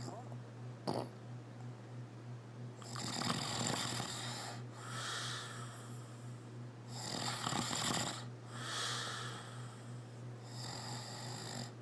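Repeated rasping snores alternating with whistling, noisy out-breaths over a steady background hum. Snoring.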